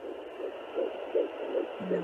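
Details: Fetal heartbeat at 10 weeks 6 days of pregnancy, heard on a home pocket fetal Doppler (Sonoline B, 3 MHz) with the probe started under the belly button: rapid, regular whooshing pulses at about 155–160 beats a minute.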